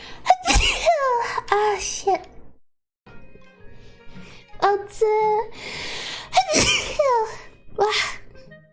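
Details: Several sharp sneeze bursts, some with a short voiced lead-in, separated by pauses, with music playing behind; sneezing.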